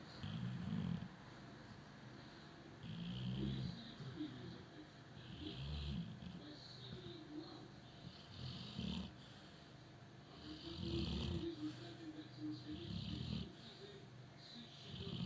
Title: Snoring doggie-2